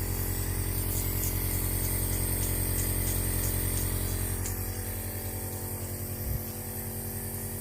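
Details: Steady low motor hum with fast regular pulsing, about 200 a minute, from a home compressor nebulizer delivering Levolin 0.63 and Budecort 0.5 respules to an unwell baby girl.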